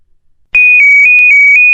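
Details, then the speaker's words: ZOLL LifeVest wearable cardioverter defibrillator loud two-tone siren alternating between two pitches, with voice prompts; it may mean the patient was treated or is being treated, or an untreatable rhythm such as asystole, prompting a check and possible CPR. "audible two-tone siren alerts and voice prompts may indicate that the patient has been treated or is still in the process of being treated you may hear the two-tone siren alerts accompanied by this prompt"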